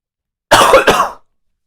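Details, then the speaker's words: Adult man who believes he has walking pneumonia, coughing during a live stream; cough. "You see, you hear that, like, that kind of sound with the cough. That is what I think that we call this walking pneumonia. I think I have walking pneumonia."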